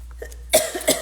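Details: Cough during a livestreamed jewelry preview; the speaker mentions sitting right under the air; cough.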